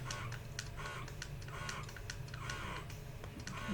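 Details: Lacevo S70 wearable breast pump running in automatic mode: rhythmic mechanical whirring and clicking cycles.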